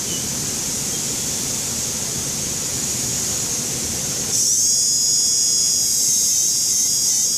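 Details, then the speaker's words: Steady high-pitched whine of a dental handpiece that rises in pitch partway through, as a sand disc polishes the marginal ridge and removes excess composite on a Class II maxillary MO filling, tooth #3. "And I want to polish my marginal ridge with a sand disc. These are the sand discs."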